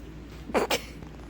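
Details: Flat-faced puppy sneezing during a blowing game: two quick sharp sneezes in a row in a quiet room.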